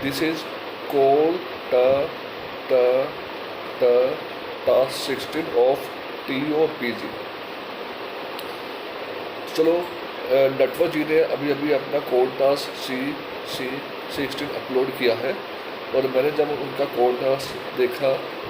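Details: Adult male speaker; stuttering.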